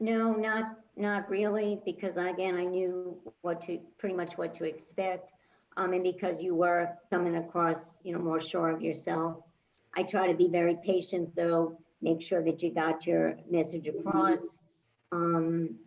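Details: Adult woman speaking; ordinary conversational speech.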